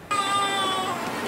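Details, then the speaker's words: Infant giving one sustained, high-pitched cry with strong, steady tone, recorded for research analyzing baby cries; infant cry. "dr. Stephen Sheinkopf is determined to figure it out by listening and analyzing a babies cry"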